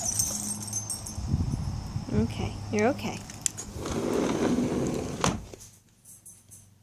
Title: Tysons Reverse Sneeze